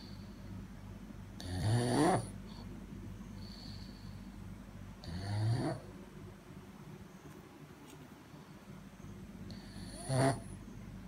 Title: pug sleeping dreaming snoring !!!